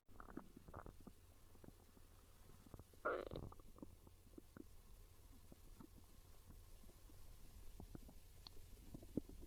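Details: Quiet gurgles and one louder growl over room hiss, described as real hungry stomach growls craving pizza; hunger borborygmi.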